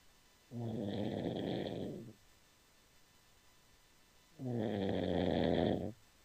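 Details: Person who fell asleep during a Skype call: two long, steady, rumbling snores about four seconds apart with a quiet pause; regular snoring during sleep.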